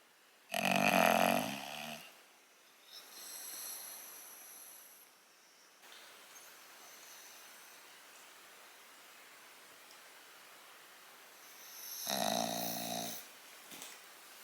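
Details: English bulldog snoring while awake and relaxing, not asleep: loud, rattling snorts with long quiet gaps between them, the noisy breathing of a flat-faced dog.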